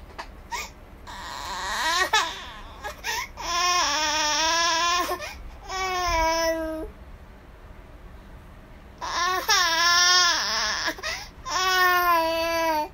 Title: Crying baby